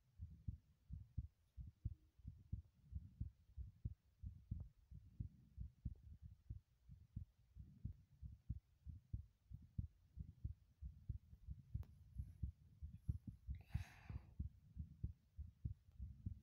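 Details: Steady, soft, low heartbeat thumps at roughly 90 a minute, with a brief rustle partway through, recorded while running in the bathroom; a quick heartbeat during exercise.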